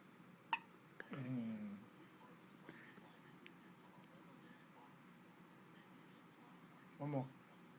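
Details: Infant girl's first hiccups: a few sharp, brief hiccup sounds, with soft adult voices in a quiet room.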